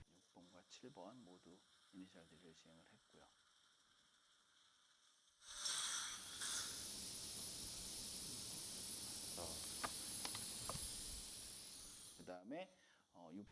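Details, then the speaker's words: Dental implant drill during guided OneGuide implant surgery at #46/#47 on a socket-preservation site in a woman in her 40s: muffled voices, then a steady high hiss of drilling with irrigation during initial site drilling. "In the case of number 6, a 3.25 by 10 mm OneGuide drill is used for drilling."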